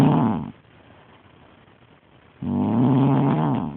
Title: Snoring Lady